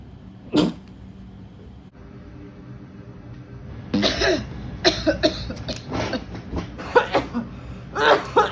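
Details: An acted, simulated stifled cough of someone trying not to cough in public, then after a pause a run of repeated dry cough bursts breaking through, with quiet room noise; cough.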